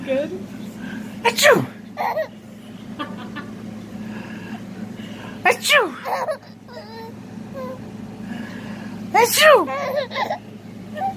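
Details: 5-month-old infant who finds sneezing funny, amid adult mock sneezes: three loud voiced sneezes about four seconds apart, each with a high-pitched 'choo', over car or room noise; sneezing.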